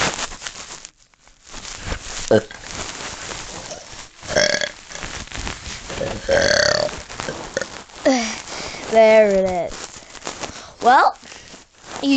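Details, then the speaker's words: Person attempting a big deliberate burp: several loud, drawn-out belches in a noisy room. "oh wow this is really hard to do a burp i'm telling that right now oh tell you there's going to be a big burp that's for sure"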